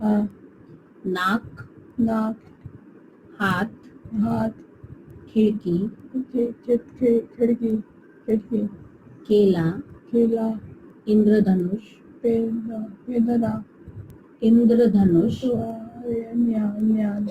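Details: Very severe global aphasia; speech limited to repeated single words ('paani', 'paisa') in reply to questions.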